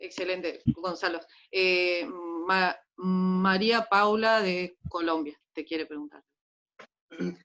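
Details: Adult speaker (host); no voice disorder.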